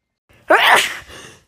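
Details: A girl at a pool, after sniffling to bring it on, takes a quick indrawn breath and then gives one sharp, explosive sneeze that trails off; an ordinary sneeze.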